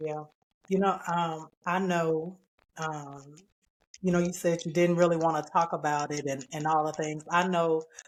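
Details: Adult man with spinocerebellar ataxia type 15 (SCA15), a rare progressive neurodegenerative disorder; his speech has worsened since his early 40s, along with imbalance: ataxic dysarthria.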